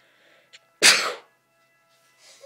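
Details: Single loud, explosive sneeze by a mother that wakes her baby; sneezing.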